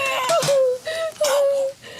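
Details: Loud, high, sustained crying in two bursts from a newborn baby girl moments after birth, while being dried off; a vigorous normal cry.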